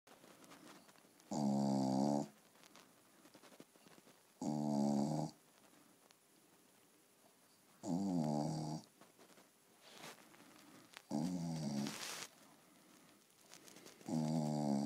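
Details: Staffordshire bull terrier asleep: regular buzzing snores, about five in fifteen seconds (roughly 20 breaths a minute), with quiet room noise between; snoring.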